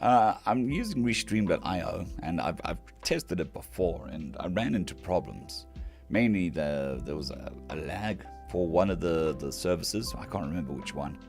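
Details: Male patient recovering from vocal fold surgery (day 2 of recovery), folds mostly healed but with lost strength and stamina, physiotherapy pushing the voice, laryngitis-like quality; dysphonia after vocal fold surgery.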